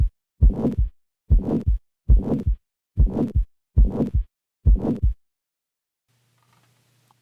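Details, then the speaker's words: Harsh heart murmur, high and low pitches together from a high gradient with large flow: six loud, rasping murmur bursts at about 70 a minute, like that of aortic stenosis. "this will create a subjectively serious sounding murmur which is frequently termed harsh here's an example of a high pitched murmur here is a low pitched one [Music] finally here is a murmur that many clinicians would describe as harsh"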